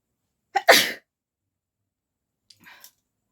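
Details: A quick inward breath, then one loud, explosive sneeze and a faint voice sound. A normal sneeze from a woman in a sneezing challenge, induced with pepper, without a handkerchief.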